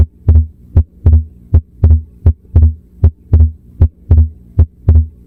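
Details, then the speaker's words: Persistent split S2 at the pulmonic area, split constant through inspiration and expiration, often from right bundle branch block; regular heart sounds near 75 a minute. "Correct answer. Persistent split S2. Often caused by conditions like right bundle branch block."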